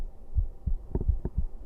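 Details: A man's own heartbeat, played on a livestream: low, muffled paired thumps, about three beats in under two seconds, over a faint hum; normal heart sounds.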